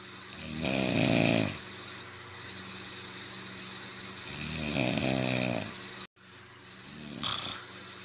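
Two loud, rough snores on the in-breath about four seconds apart, then a softer third breath, over steady room hum.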